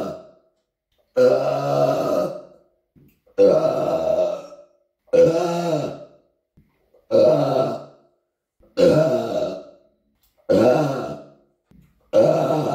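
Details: Person in an apartment: seven long, loud, voiced belches in a row, each about a second long, separated by short pauses; burping.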